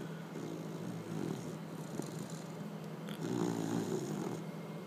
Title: Snoring puppy